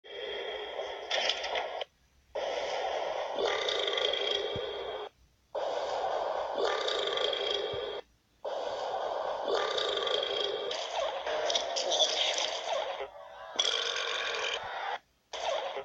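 Long, loud, rumbling burps follow one another with brief pauses between them: repeated belching.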